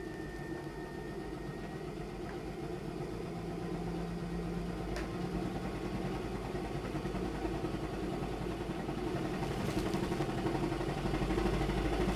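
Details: Cystic fibrosis patient using a high-frequency chest wall oscillation vest, third cycle at 13 Hz, pressure 6, 6 minutes: steady mechanical humming with rapid pulsing.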